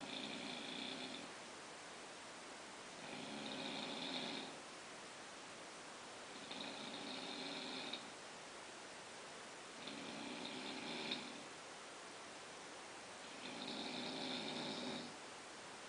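Five steady, buzzing snores at about 18 a minute over a constant hiss; ordinary snoring from nasal and throat vibration during sleep.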